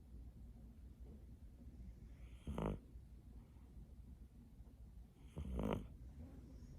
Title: Snoring kitten!